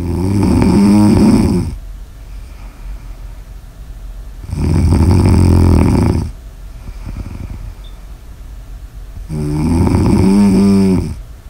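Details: Snoring audio recorded during sleep: loud, rattling snores on each breath in, about 13 a minute, with quieter breathing out between; ordinary heavy snoring.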